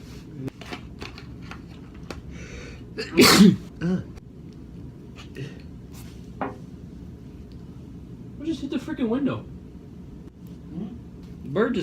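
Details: A single loud, explosive sneeze amid quiet room noise and scattered talk, in a parking garage during indoor drone flying; ordinary sneeze.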